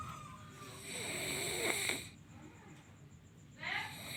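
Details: A man sleeping gives loud, rough snoring breaths, each followed by a quiet pause before the next; snoring.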